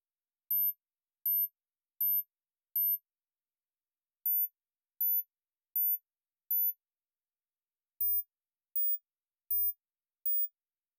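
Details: Tinnitus tone-matching test: very high, pure pulsed sine-wave beeps in groups of four stepping upward in pitch at 1000 Hz intervals across 1–16 kHz, for identifying tinnitus frequency.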